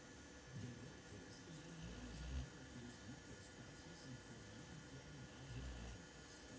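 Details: A sleeping dog gives soft, low rumbling snores on two breaths about 3.5 seconds apart, over a steady room hum: snoring.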